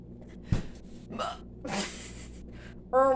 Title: Hiccups!! a owwwwwww!! #6